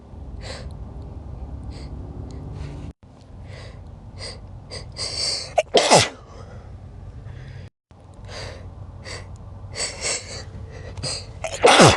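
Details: Three natural, unprovoked sneezes (nose not tickled): sharp explosive sneezes, each after a quick indrawn breath, against steady background hum.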